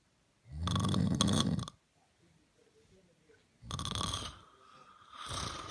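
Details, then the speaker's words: Two loud, rough, fluttering snores with a quiet pause between them, with a remark on how unusual the snoring is; snoring. "Who [ __ ] snores like that? Like seriously."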